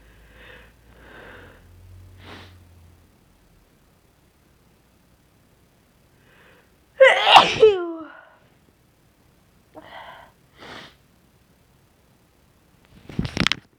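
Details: Deliberately induced sneezing in a person with a very sensitive nose who suspects they may be getting sick: breathy in-breaths build to one loud, wet sneeze, then a second sharp sneeze.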